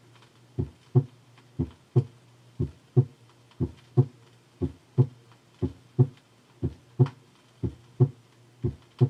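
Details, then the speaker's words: Normal heart sounds in the second left interspace, 1968 teaching recording: regular beat at about 59 a minute, second sound single, louder and higher-pitched than the first. "the second sound is louder than the first sound and is higher pitched normally the second heart sound is single or very slightly split in expiration and shows splitting with inspiration"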